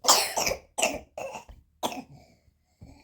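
A child's run of about five harsh, dry coughs in quick succession, a spasm-like coughing fit.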